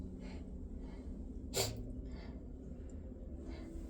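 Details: Single sharp sneeze, one of a repeated series of deliberately induced sneezes, over a steady low room hum with quiet breathing around it.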